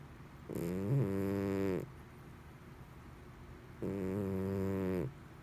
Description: My cat snores like a human . Loud at times too .